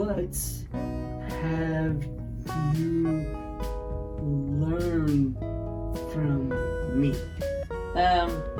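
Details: Man with aphasia after a stroke, who takes longer to get words out, asking a question; aphasia.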